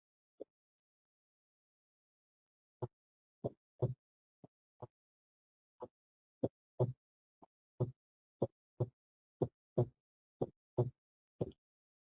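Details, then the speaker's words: Quiet, short heart sounds in an irregular sequence against silence; a recorded teaching example of the normal second heart sound (S2), whose loudness depends on the auscultation site. "Vamos a escucharlo más intenso, pero como te digo, depende del foco. Segundo ruido."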